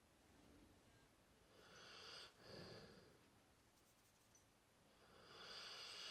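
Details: 3-year-old Dorset Old Tyme Bulldog snoring loudly: soft, hissing, snuffly breaths with a slight rattle, rising and falling in a quiet room; a dog snoring through narrow airways.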